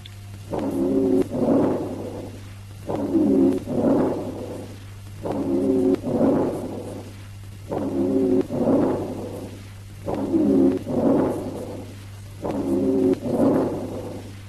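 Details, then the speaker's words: Teaching recording of added breath sounds: regular breaths at about 25 a minute with a high, musical wheeze during inspiration; high-pitched inspiratory rhonchi. "Listen to the high-pitched inspiratory rhonchi."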